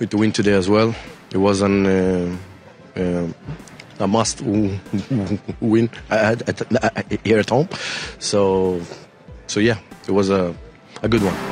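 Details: Adult male professional footballer with a real stutter, speaking in a post-match TV interview; stuttering.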